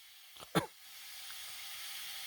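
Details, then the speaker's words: Single short, sharp forced exhalation into a peak flow meter, reading about 450, by an adult recovering from COVID after about 1.5 minutes of steam inhalation, then steady background hiss. "so i've just steamed for about a about a minute and a half and i'm going to take that another picture of me blowing this thing so up to 450 on that one"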